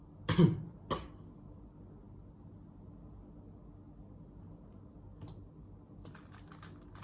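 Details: Two short dry coughs at the start, then quiet room noise with a faint steady high tone and light clicking; cough.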